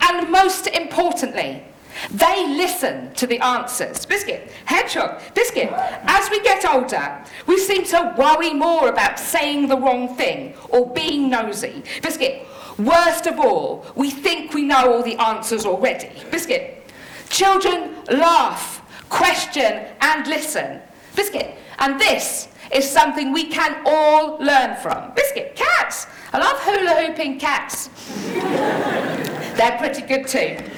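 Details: Woman with Tourette syndrome producing uncontrollable vocal tics, including repeated words; Tourette syndrome vocal tics.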